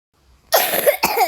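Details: Two short, harsh cough bursts from a child in a small room, followed by an apology for the cough; a plain cough.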